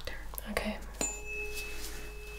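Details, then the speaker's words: Simulated ASMR cranial nerve exam for trigeminal neuralgia: a tuning fork is struck and placed on the mastoid process for a hearing test, humming as a steady pure tone that slowly fades. "so I have here a tuning fork I'm going to strike it and cause some vibrations and I'll place it right here on your Mastery process bone I want you to tell me when you stop hearing the sound okay"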